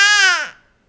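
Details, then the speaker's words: 10-week-old baby boy, whom his mother says is hungry, gives a single short, clear, high-pitched wail that fades out; infant hunger cry. "uh oh do we need to eat don't get so upset just tell mommy you need to eat see mom i'm hungry"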